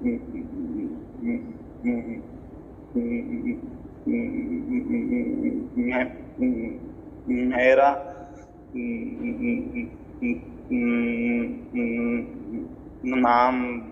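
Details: Male client of an online stammering therapy programme introducing himself, presented as a result after 3 days of treatment; stammering.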